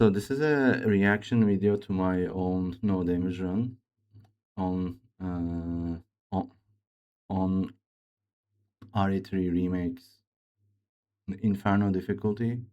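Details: Man who reports his own speech disorder, type not named, and says it is much worse than a game character's; real, disfluent speech; speech disorder (disfluent speech).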